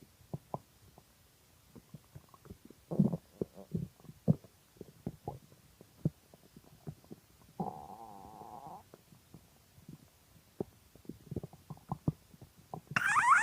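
Irregular gurgles and pops with a longer bubbling rumble; hunger stomach growling, a normal bowel sound.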